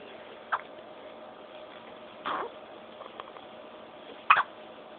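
Two or three abrupt, short catching sounds over low background hiss, consistent with hiccups from involuntary spasms of the breathing muscle.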